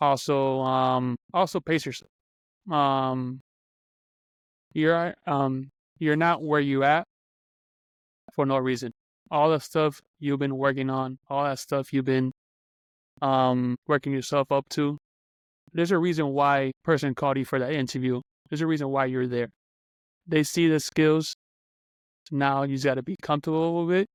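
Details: Adult man who stutters, speaking on a podcast about stuttering; stuttering.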